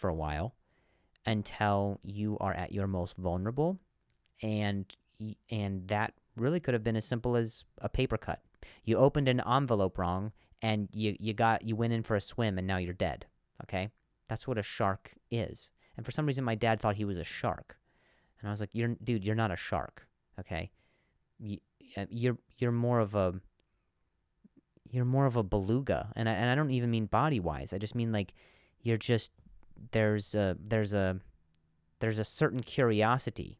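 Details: Adult man who stutters and says he has a difficult time saying certain words on some days; stuttering.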